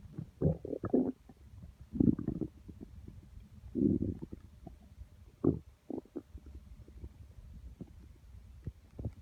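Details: Constant stomach grumbling, felt by hand on the belly, audio only: repeated low gurgling rumbles in bursts over quiet background; ordinary stomach growling, borborygmi.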